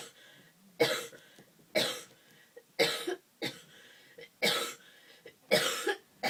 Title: Colds (Cough)